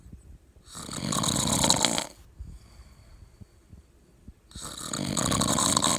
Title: Drunk Snoring Husband